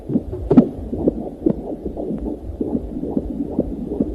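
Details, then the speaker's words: Rapid rhythmic whooshing pulses, about 140 a minute, over a low rumble: a fetal heartbeat on ultrasound, played on a talk show to illustrate a heartbeat heard during pregnancy. "You know what that is if you've ever had a child. That is an ultrasound. That is a heartbeat."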